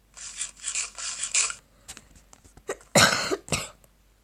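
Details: A run of harsh, breathy coughs, then two sharper coughs after a pause, from a female who says she is slightly ill with a cough and runny nose, recorded while playing Minecraft.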